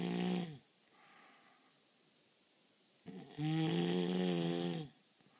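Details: Person who claims not to snore filmed snoring heavily: loud, deep, buzzing breaths with a throaty rattle, one short and one long, separated by a quiet pause.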